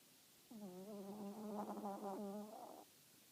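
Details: Sleeping cat snoring: one drawn-out, humming, slightly buzzy snore lasting about two seconds against quiet room noise.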